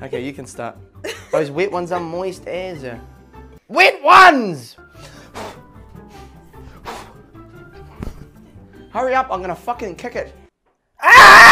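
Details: Adult man with Tourette syndrome, with vocal tics occurring during his speech while playing a game; vocal tics (Tourette syndrome).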